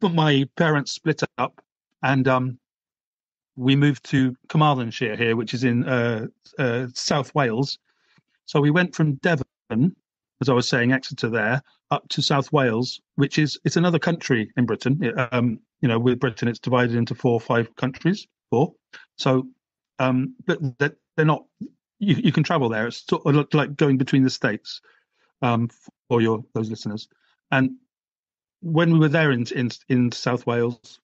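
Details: 48-year-old British man stammering since childhood, with speech therapy at primary school; reports blocks, especially on explosive B sounds; stuttering (stammering).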